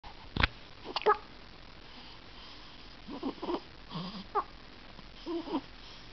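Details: Soft, brief, repeated catching sounds over steady room noise, possibly from a small animal; hiccups.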